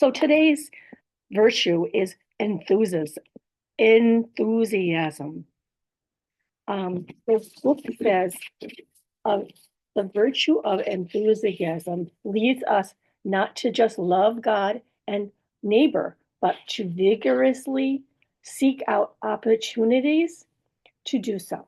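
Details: Woman in recovery after a stroke with aphasia, a language disorder, plus apraxia of speech and dysarthria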